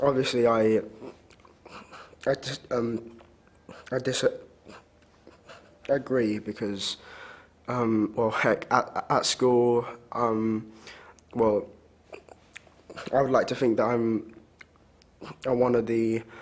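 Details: Child who stammers; stammering is described as getting stuck and unable to say a word, with tense struggle, and as worse when rushed; stammering (stuttering).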